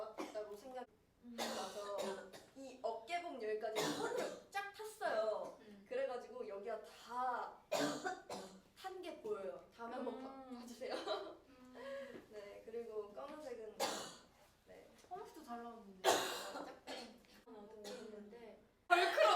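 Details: Woman with several short, sharp coughs and throat clearing scattered between stretches of speech.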